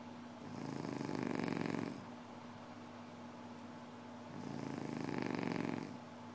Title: Somebody is snoring